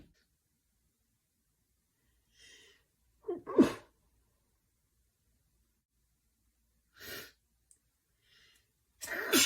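Quiet room with a few soft breaths and two or three sharp, explosive sneeze bursts; ordinary sneezing.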